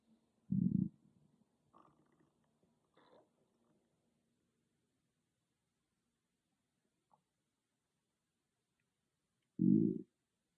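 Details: Own stomach growling recorded on an iPhone without a special microphone: two loud, low gurgling rumbles with faint bubbling between them in a quiet room; bowel sounds.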